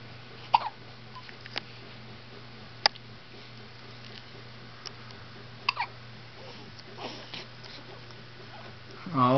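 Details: Infant girl with hiccups: a few sharp, brief catch sounds at irregular intervals in a quiet room, ending with a fussy vocal sound.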